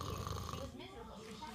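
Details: A father and another sleeper snoring: brief low, rough, rattling breath noise with some room background.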